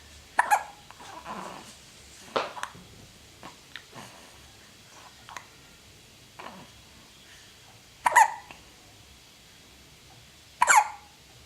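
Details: A dog hiccups and turns her head: several short, sharp, jerky sounds at uneven intervals with faint breathing between, in a quiet room; hiccups.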